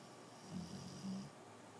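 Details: Sleeping woman with a soft, low rattling snore on a breath in, heard over quiet room noise; snoring.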